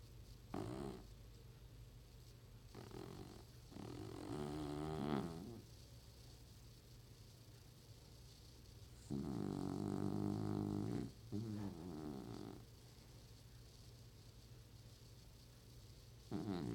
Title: Old man snoring